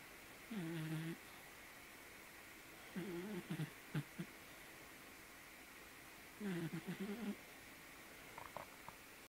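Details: A tired sleeping dog snores with low, fluttering, slightly tonal snores every few seconds in a quiet room.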